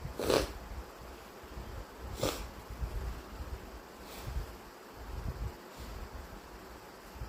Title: Inducing with chhinkni and a tissue = WET sneezes